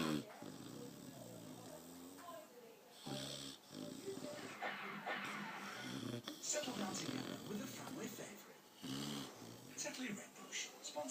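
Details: Repeated rough, fluttering snores with snorting breaths from a sleeping Chocolate Labrador lying on a hand, with a TV movie playing in the background.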